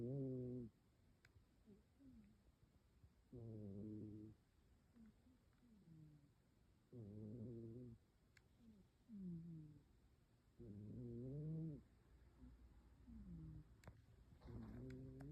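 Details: Cat sleeping in owner's lap, snoring hard: loud, buzzing, low snores with each breath, about 16 a minute; ordinary snoring.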